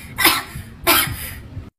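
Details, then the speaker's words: Two short, sharp coughs from a child, acted in a comedy skit after the child asks to buy ice cream; light room noise. "kan bener batuk tadi nggak batuk nggak batuk terus"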